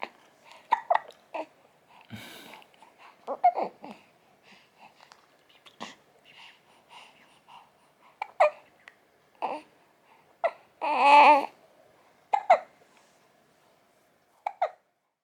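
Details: Baby aged 36 days hiccuping after a milk feed: short, sharp hiccup bursts every second or two, with soft grunts and a brief cry.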